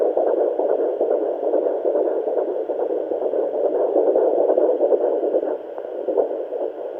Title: Fetal doppler at home ♡ heartbeat 17 weeks pregnant ♡